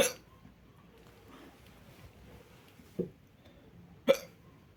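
Three short, abrupt hiccups over about four seconds, each a sharp catch of breath in a quiet room.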